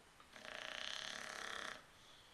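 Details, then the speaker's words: White boxer dog snoring loudly while asleep around 2 a.m.: a single drawn-out, buzzing, rattling breath with quiet room noise around it. "Can't even sleep. I bring you rhythm. But I can't watch the movie because this guy right here snoring."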